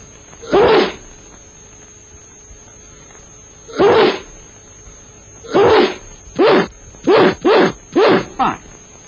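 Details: A public-information film on handkerchief use with eight sharp, explosive sneeze-like bursts, single at first and then in quick runs, over a steady background tone; coughs and sneezes.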